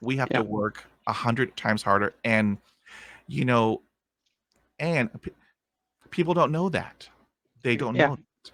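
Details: Stuttering in a man of about 50, present since a dog attack with head injury at age five. It was initially severe and treated with speech therapy in the 1970s; he uses tapping and accents to get through blocks.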